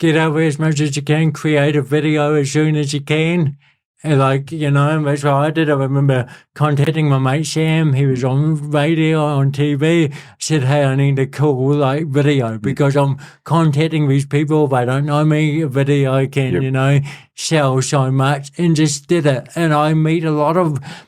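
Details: Adult male born with cerebral palsy, congenital and lifelong, who calls it a physical disability affecting how messages travel around his body; real speech; dysarthria (cerebral palsy).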